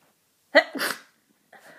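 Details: Person with a cold during a powerful sneezing fit: a single sharp, explosive sneeze, followed by a faint breath or soft vocal sound.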